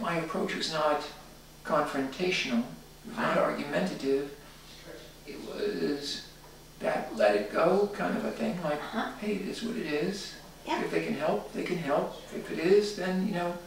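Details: Male diagnosed with spasmodic dysphonia and muscle tension dysphonia by three voice clinics, after prior speech therapy, speaking conversationally during voice rehabilitation at a stage when he reports his voice was improving; spasmodic dysphonia.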